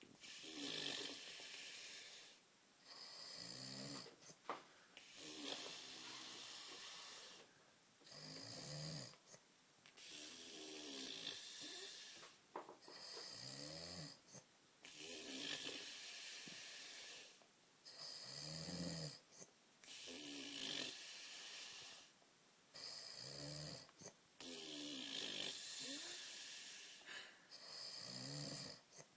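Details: A sleeping man snores loudly and wetly, roughly 13 breaths a minute, with gurgling on each breath; he is dribbling.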